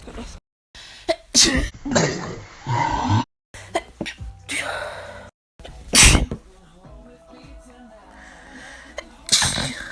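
Sharp sneezes from different people, cut together with bits of speech and background music; ordinary sneezing.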